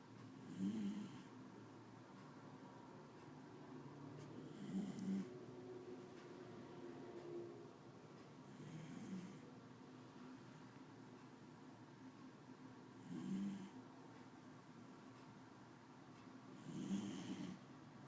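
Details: Soft, regular snores at about 15 breaths a minute over faint room hum: ordinary snoring in sleep.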